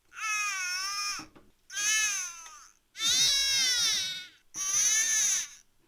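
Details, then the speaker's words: Infant's tired cry: four drawn-out, yawn-like "oh oh oh" wails with brief pauses between them. It may come with eye rubbing and signals that the baby needs to wind down for a nap. "now here's the tired cry now listen to this tired cry it's like the little oh oh oh"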